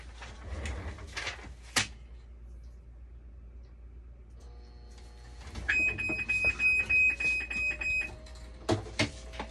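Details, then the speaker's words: Dialysis machine displaying a "minor blood leak" alarm: steady high electronic beeping with room and handling noise. The fault can usually be fixed by calibration; continuous drain flow suggests a membrane pad problem. "Ang sira niya is minor blood leak. So, madali lang 'to, i-calibrate lang 'to."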